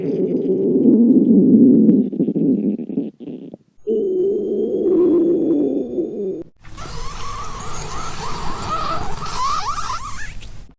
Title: お腹が鳴る女の子 A girl's stomach growling